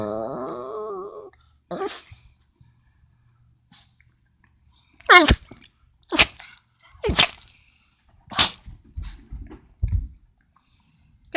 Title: Dog has a sneeze attack